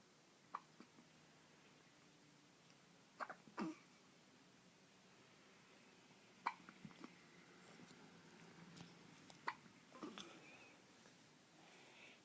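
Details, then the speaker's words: Hiccups: soft, abrupt catches recurring every few seconds, about six in twelve seconds, over quiet room noise. "you flip it off there you flip it off oh you got your ugly hiccups"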